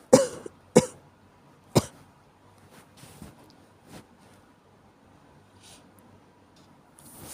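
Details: With a common cold: three loud, sharp coughs in quick succession, then quieter throat sounds; cough due to a cold.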